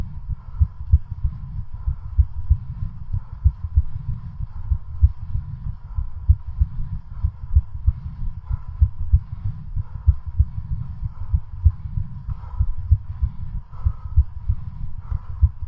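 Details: Heartbeat during a home stationary-bicycle cardiac stress test until exhaustion: rapid, steady low thumps with faint background hum; exercise-induced tachycardia.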